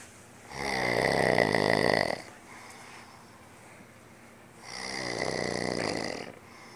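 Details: Man who had just insisted he does not snore, asleep; two loud, rough, rattling inspiratory snores about four seconds apart, with quiet breathing between them.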